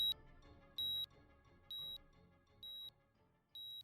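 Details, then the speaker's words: Regular high electronic beeps about once a second, like a hospital bedside monitor, over quiet music in a fictional dramatized audio story. "then suddenly everything went dark and I was left floating in the inky Blackness until a beeping brought me back to the waking"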